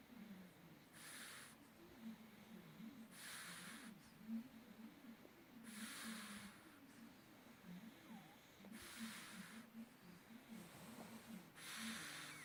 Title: Pug snoring